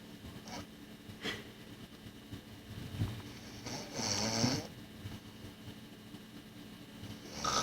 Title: 1996 Snoring LOL